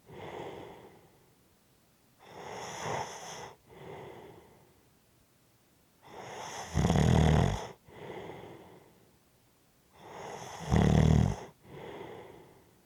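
Heavy, noisy breathing with loud rattling snores on the breaths in, about three breaths in thirteen seconds, roughly 14 a minute.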